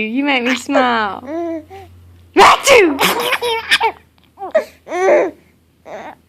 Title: Baby laughing at mommy sneezing